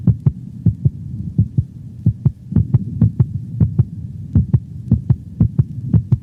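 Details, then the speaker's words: Normal dog's heart sounds recorded over the mitral valve: paired lub-dub beats at about 105 a minute, with the second sound shorter and higher in frequency than the first. "the second heart sound is shorter and of higher frequency than the first sound it is best heard over the pulmonic valve listen to a normal dog's heart sounds recorded over the pulmonic valve"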